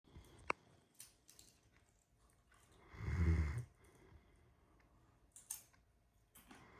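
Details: Almost 9-month-old Great Dane puppy snoring: one low, rumbling snore among scattered clicks and crunching from someone eating Cheetos in bed in the background.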